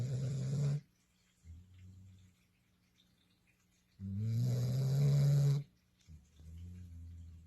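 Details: Low, rattling snores on the in-breath with softer out-breaths, about two breaths in seven seconds, from a sleeping female, likely a dog: snoring.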